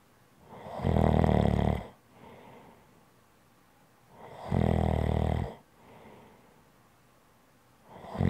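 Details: Loud, rough, rattling snores on each in-breath, about 17 per minute, with quieter out-breaths between, recorded as ASMR relaxing snoring sounds; snoring.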